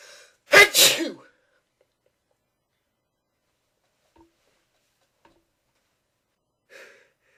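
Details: One loud, explosive sneeze with a sharp intake and forceful burst, then quiet; an old re-uploaded recording among repeated sneezes.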